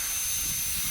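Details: Air-driven high-speed dental handpiece doing proximal reduction on a primary molar on a typodont model for stainless steel crown preparation, feather-edge finish line: a brief steady high-pitched whine with hiss.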